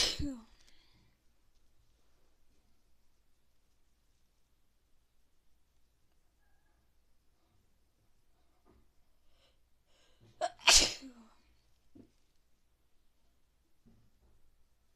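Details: Morning sneezing bout: two sharp, explosive sneezes in a quiet room, one at the start and a louder one near the end; sneezing.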